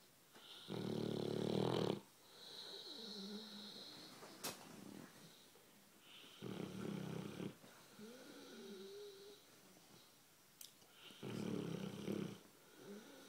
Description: My american bulldog snoring on the couch